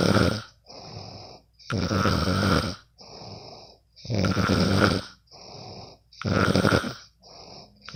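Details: Friend recorded while asleep: steady rhythmic snoring, a loud rough snore on each breath in and a softer one out, about fifteen breaths a minute: snoring.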